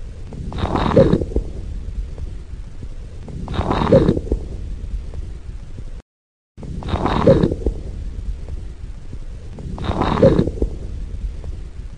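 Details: Pediatric (MRCPCH exam) chest auscultation of abnormal breath sounds: breathing at about 20 a minute with brief popping crackles during inspiration.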